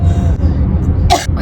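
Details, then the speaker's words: A single brief, harsh cough or throat-clearing burst from an adult with a hoarse voice while riding in a car, over steady low vehicle rumble; cough / throat clearing. "मला खोकला येतोय आवाज बसल्यामुळे"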